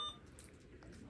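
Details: One short, clear electronic beep, then quiet room sound: a keypad keypress tone while programming an Alaris infusion pump during a demonstration.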